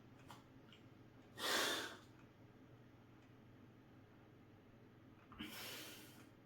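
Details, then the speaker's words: Metered-dose inhaler puff: short spray hiss blending into a deep inhalation after shaking and sealing lips, breath held, softer exhalation through the nose seconds later; second puff after one minute. "बघा असं inhaler आहे हलवलं झाकण काढलं तोंडात पकडलं ओठ चारी बाजूने घट्ट आणि प्रेस करून श्वास आत घ्यायचा"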